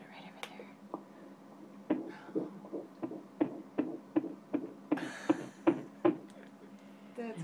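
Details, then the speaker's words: First ultrasound of a pregnancy, fetal heartbeat on ultrasound at 160 beats per minute: rapid, regular whooshing pulses. "cool let's see how many beats per minute where you've got going on here 160 beats per minute wow like double m"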